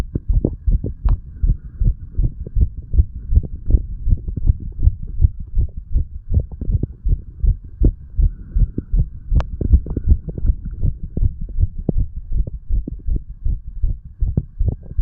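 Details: Heartbeat recording of a 35-year-old under the influence of medical marijuana and tobacco: steady, regular low thumping with a faint hum, about 80 beats a minute.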